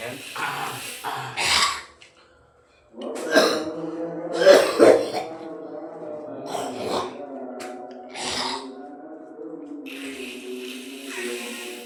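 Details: An adult coughs and clears the throat in harsh bursts, with voiced groaning between them, during gurah herbal therapy for sinusitis and cough.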